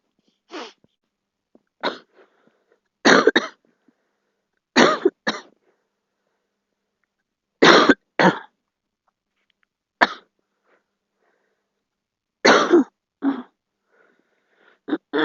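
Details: About eleven short coughs from a girl in single and paired bursts with quiet pauses between them.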